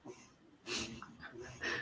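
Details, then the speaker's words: Sleeping infant snoring in the background of a live stream: soft, noisy snorting and wheezy breath sounds. "don't know if everyone can hear the baby snoring. But anyway, someone said they've had a rough day and they're just here for the baby noises."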